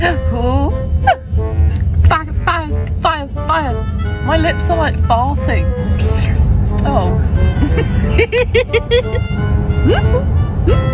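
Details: Vocal tics of Tourette syndrome in a female speaker, including a repeated word tic; her common whistling tic is blocked because one side of her mouth is numb after a dentist visit.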